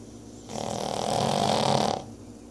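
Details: Deaf Boston Terrier asleep: one long, rough, rattling snore on an in-breath against a quiet room; dog snoring.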